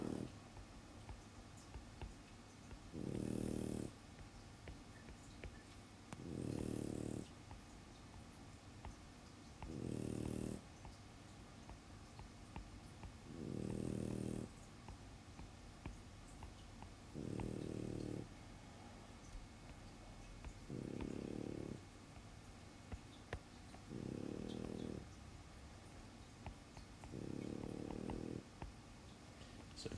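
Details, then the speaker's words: Dog snoring while asleep: steady low rumbles, about 16 a minute, against quiet room noise. "and hopefully the sound of Luna snoring is not putting you to sleep"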